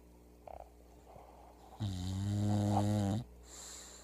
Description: English bulldog snoring so loud when she sleeps